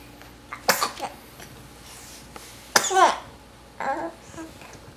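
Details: A few sharp, explosive sneezes, each followed by a brief snort.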